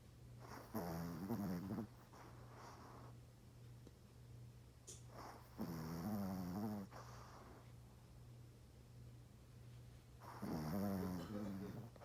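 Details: Yorkie dog sleeping deeply, snoring very loudly: rattling snores on each in-breath, about 12 a minute, over a steady low hum; snoring.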